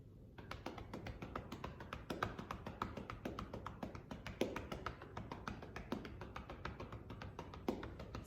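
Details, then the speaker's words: Manual chest percussion with cupped hands and loose wrists over the left lower lobe posterior segment, shirt over the scapula, volunteer prone with a pillow under the chest: rapid, steady hollow clapping, about four per second, for airway clearance. "you want to make sure that we are not slapping the patient that i keep my hands that keep my wrists strong and my hands nice and loose so i'm going to be performing a floppy motion with my wrist with cupped wrists"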